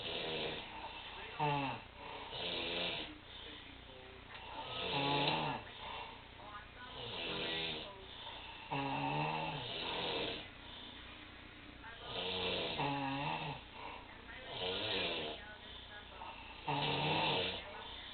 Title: snoring contest